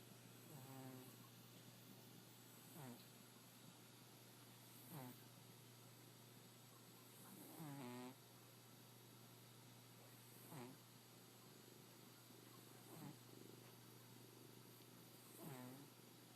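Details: Sleeping cat that has something like asthma, which makes it snore: soft, rattly snores about every two to three seconds over a steady background hum.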